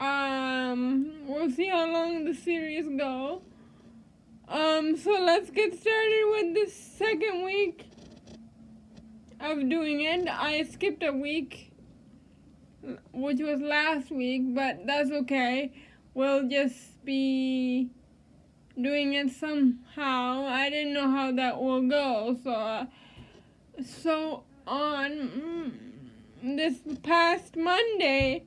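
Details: Adult woman with cerebral palsy who uses a standing wheelchair; speech in cerebral palsy.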